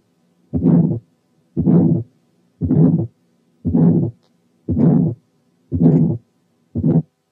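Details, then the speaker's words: Functional ejection systolic murmur over the aortic area in hypertension or aortic aneurysm: regular heartbeat near 58/min with a loud, ringing second sound. "وفي حالات الهايبرتنشن والأنيوريزم السكند ساوند بيكون لاود وبيكون له رنة، يعني رينجينج سكند ساوند زي الحالة اللي جايه."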